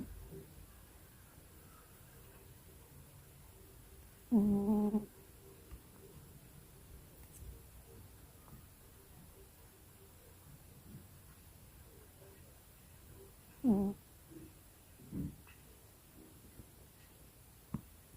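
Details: Sleeping cat snoring: two short, humming snores about nine seconds apart with faint soft breaths between, in a quiet room; normal snoring.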